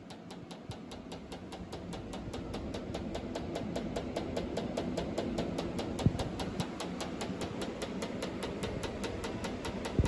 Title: Picosecond laser pulse width testing